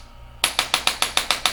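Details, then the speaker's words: Handheld chiropractic adjusting instrument on the coccyx of a patient with intense tailbone pain: eight sharp, evenly spaced clicks, about five per second, gently adjusting bones in a quiet room. "just a little just a little little a little clicking just a way to help adjust the bones a little bit"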